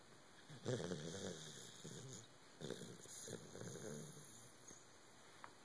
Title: snoring